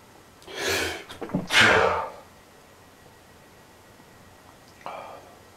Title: FAST LOUD AND CRAZY SNEEZING AND CAN'T STOP MYSELF FROM SNEEZING BECAUSE OF SICKENING ALLERGIES!!!